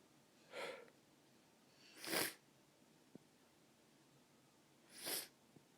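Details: Three sneezes, the first softer and the next two sharp bursts, over quiet room noise; repeated sneezing.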